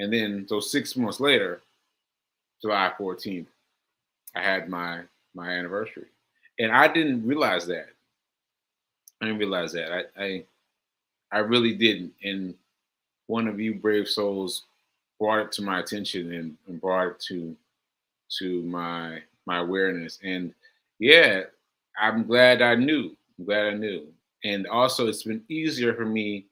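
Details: Aphasia, a language disorder affecting communication, in a male host about six months into recovery since July; he says he experiences it when trying to communicate.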